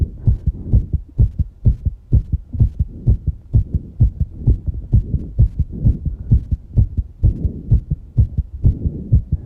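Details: Fast heartbeat after exercise.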